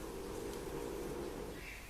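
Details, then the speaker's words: Low, steady, rattling snoring from a sleeping French bulldog, heard faintly under room noise during a crochet tutorial; he resists waking up. Snoring. "That is my French bulldog snoring, if you can hear him. He is resisting the urge to wake up."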